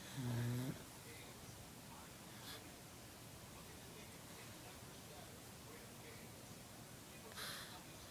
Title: Snoring pug